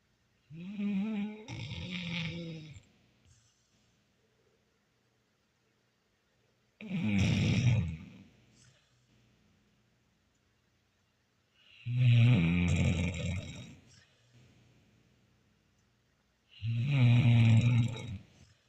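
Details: Old female dog snoring during a daily nap: slow, deep, rattling snores at about 12 a minute, each a low rumbling breath with quiet gaps between.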